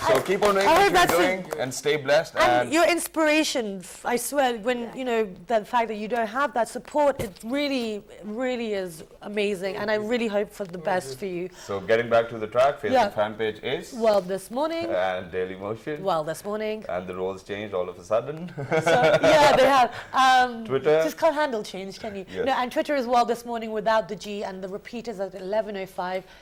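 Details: Adult female speaker; typical speech.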